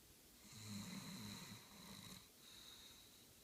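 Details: Sleep snoring: one low, rattling snore lasting over a second, then quieter breathing, with a steady high room hiss.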